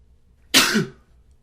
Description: Typical morning...coughing, sneezing, sniffling.